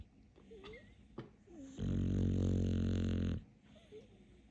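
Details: Dog snoring: loud, low rumbling snore over a second long on an in-breath, with quieter breathing around it.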